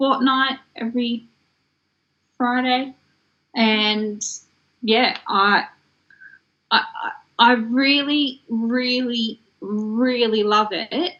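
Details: Adult woman from Australia with aphasia that developed after a stroke in 2016 at age 33: aphasia.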